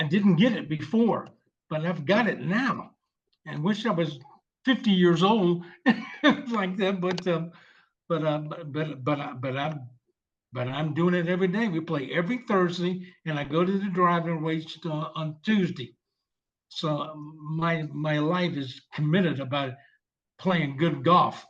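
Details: 74-year-old male veteran with non-fluent aphasia after a stroke 7 years ago; initially unable to read, speak or write, now speaking after long-term speech therapy; non-fluent aphasia.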